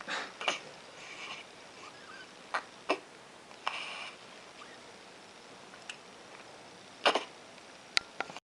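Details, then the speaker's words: Infant hiccups: short sharp gulping catches at irregular intervals, about six in eight seconds, in a quiet room. "Got those darn hiccups again."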